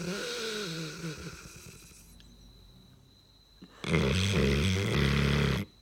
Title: Dog snores LOUD!!